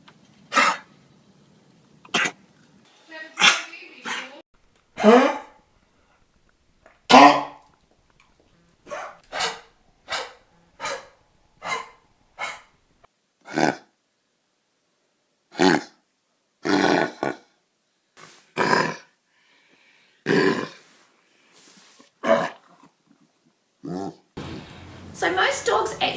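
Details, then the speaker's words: Repeated harsh, honking dry coughs from dogs with kennel cough, a contagious tracheobronchitis mainly caused by Bordetella bronchiseptica and various viruses. "i want you to take a listen to these dogs in these videos that i've got here for you and you're going to be able to recognize exactly what the sound of a kettle cough actually sounds like"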